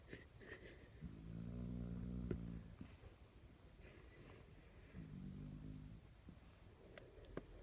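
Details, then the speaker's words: Sleeping dog snoring: two long, low, rattling snores, each vibrating throatily through the breath; ordinary snoring. "Oh my gosh. You're snoring, honey."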